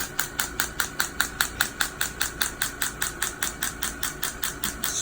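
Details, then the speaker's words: Steady sharp clicking pulses about one per second from an extracorporeal shockwave therapy handpiece with a very small head, one of a series of treatments for Achilles tendonitis in a young man after a PRP injection. "we're actually doing a series of shock wave treatments to things yes we're going to be doing a series of shock wave treatments to bring more blood flow to the area"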